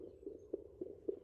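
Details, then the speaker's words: Fetal heartbeat found at home with a purchased fetal Doppler, body cream used instead of gel, after about 10 minutes of searching: rapid, rhythmic galloping whooshing pulses. "Acabei de encontrar. Olha aqui. É o nosso. Glória a Deus."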